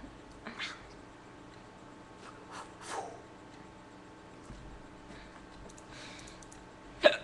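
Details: Adult hiccups: about four short, sharp, involuntary hiccup sounds in a quiet room, the last one loudest.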